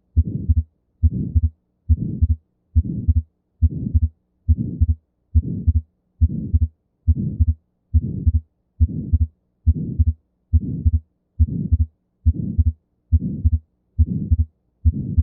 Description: The sound of an atrial septal defect is most often an ejection systolic murmur and a fixed split of S2.